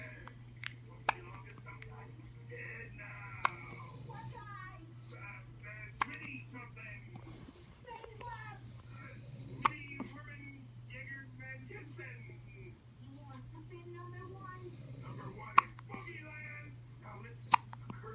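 Brief sharp clicks recur at irregular intervals, about seven in 18 seconds, beneath soft talk and whispering, consistent with hiccups.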